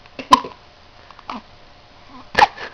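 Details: A young girl gives three short, sharp hiccups, about one a second, in a quiet room; hiccups.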